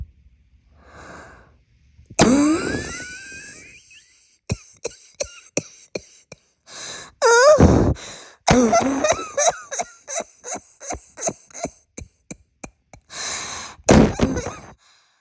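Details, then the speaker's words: Acted roleplay cough from an adult who says they are sick with a bad cold: repeated bouts of short, harsh coughs with gasping breaths between them, in a quiet room. "I know I'm still sick with this off you want some of it too come closer"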